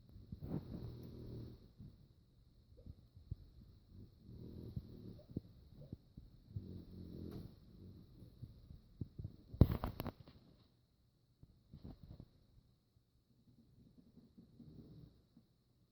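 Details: Soft, low rumbling snoring during sleep, about every three seconds (roughly 20 breaths a minute), with a louder snort near the end.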